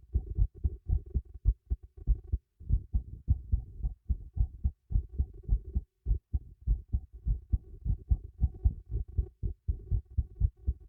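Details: The recorder's own heartbeat, picked up by a new microphone fixed beneath a teacup: muffled low thumps in a steady rhythm, roughly 105 a minute, with background hum; normal heartbeat.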